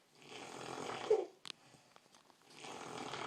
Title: Snore/Squeak